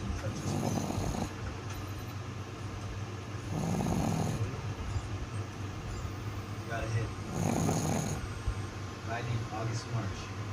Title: Laying with my snoring bay #shorts #viral #viralvideo #viralshorts #pug#pugdog #dog #doglover